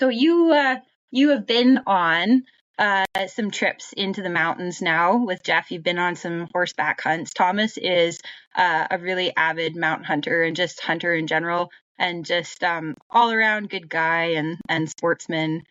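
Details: Adult woman; normal speech.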